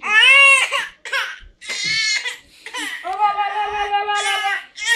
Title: Crying Baby - Vlog 005